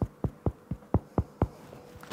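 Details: Self-percussion practice demonstration comparing percussion notes: six evenly spaced taps with low, hollow thuds that fade quickly, a resonant percussion note, the normal sound over air-filled lung.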